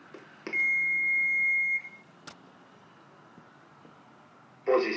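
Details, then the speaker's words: Automated external defibrillator (AED) switched on with the power button in a lay-rescuer demonstration: a steady high beep just over a second long, then quiet room noise. "como que tudo começa aperta o botão liga"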